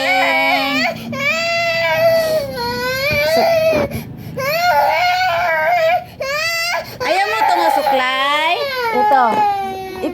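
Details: Young child (niece) upset while being combed and refusing to put on clothes: loud, sustained wailing cries broken by brief breaths; crying.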